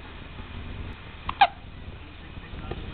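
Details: Male infant slightly over 2 weeks old with recurrent hiccups: quiet room noise, then one or two short, sharp catching hiccup sounds.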